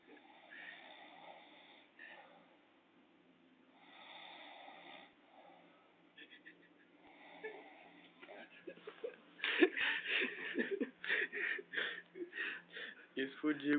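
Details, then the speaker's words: Man snoring loudly while asleep, then waking at the filming: rough, rattling breathing noises repeating with each breath, then laughter and voices nearby. "roncando feito uma porca ACG acordou com a nossa filmagem ah"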